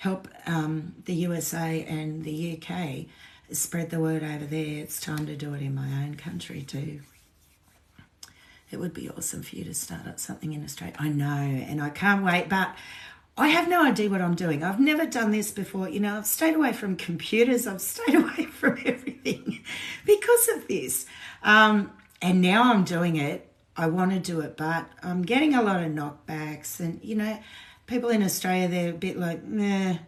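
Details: Woman with essential tremor; voice tremor worse than her usual today, which she attributes to alcohol withdrawal shakes on top of her essential tremor after two days of drinking.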